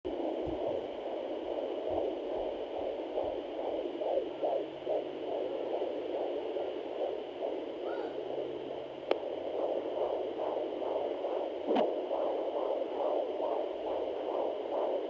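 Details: Rapid, regular whooshing fetal heartbeat at about 140 a minute on a Sonoline home fetal Doppler at 21 weeks pregnant; male baby measured around 138 bpm at the doctor's office.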